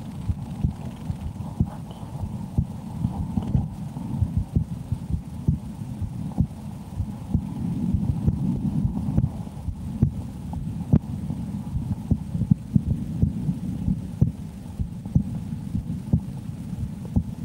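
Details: Adult woman's resting heartbeat heard through a stethoscope: steady, regular thumps at about 65 beats a minute, a normal heartbeat.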